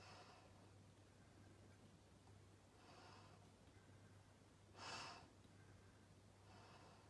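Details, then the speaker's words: Child having an asthma attack, seated upright, takes a second reliever dose from a metered dose inhaler via spacer with face mask: soft, slow steady breaths (two to five), with one louder breath midway, over a low hum. "give a second dose encourage you to take two to five slow steady breaths"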